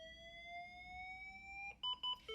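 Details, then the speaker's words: A biphasic manual monitor-defibrillator in a cardiac cath lab, defaulted to 200 joules for VF or pulseless VT, charging after the charge button is pressed: a steadily rising electronic whine, then repeated ready-to-shock beeps. "Press the charge button. It will start charging up immediately."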